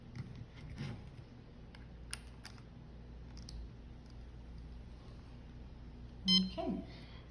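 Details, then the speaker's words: Short electronic beep from a CADD Prizm infusion pump confirming the administration set cassette is attached and loaded correctly. "that beep actually was the pump registering that there is an admin set attached so we know we're successful"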